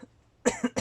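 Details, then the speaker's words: A brief cough from an adult who apologizes and says he is sick, during narrated electronics repair work. "Ja, tut mir leid, ich muss kurz husten, weil ich krank bin."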